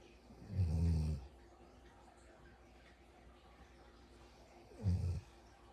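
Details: Snoring with eyes open: two deep, low rumbling snores about four seconds apart over faint background noise.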